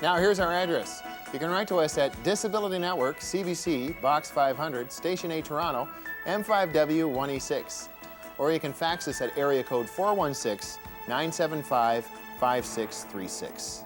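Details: Adult speaker; normal speech.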